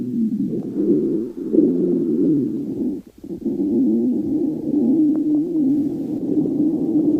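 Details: Stomach growling (borborygmi).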